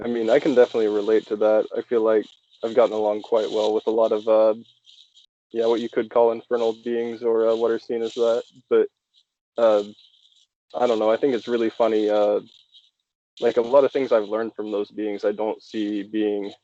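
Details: Adult male speaker; no speech disorder.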